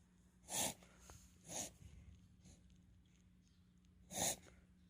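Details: Three sharp, snorting bursts through the nose with quiet breathing between, from a Miniature Dachshund with hernia after waking and drinking water; two episodes over 2 minutes, four in total, first with runny nose; reverse sneezing.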